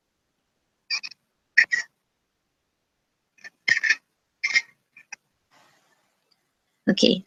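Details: Child with croup, in a paediatric lecture on common childhood diseases, makes short, harsh breath noises in a quiet room, then a loud, high-pitched crowing sound on a breath: stridor.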